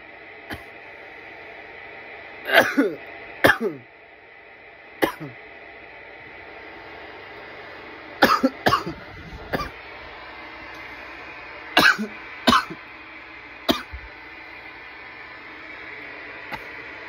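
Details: Coughing fits after smoking from a bong: about ten harsh cough bursts in short clusters over steady room hiss; irritant cough.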